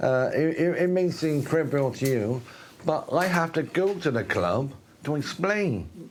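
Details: Adult man with myasthenia gravis, an autoimmune condition, onset about a year earlier with speech changes and a closing eye; dysarthria from myasthenia gravis.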